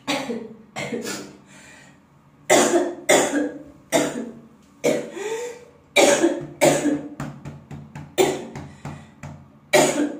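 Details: Girl's acted coughing for a sound effect: repeated harsh coughs in close succession.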